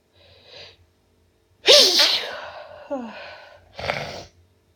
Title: Only nonstop sneezing